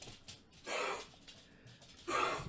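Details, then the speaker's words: A dog's two harsh, dry, honking cough bursts; kennel cough. "blondie my dogs have kennel cough and that's what it sounds like"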